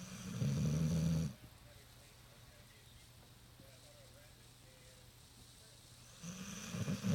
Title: Tired Pup Snores